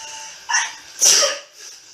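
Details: Woman with apparent allergies sneezing while showing products: a short breathy intake followed by a sharp hissing burst, a single sneeze, with faint background music.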